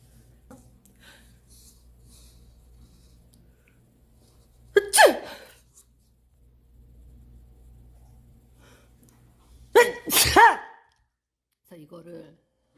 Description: Cute girl sneezing - Asian sneezes part 1.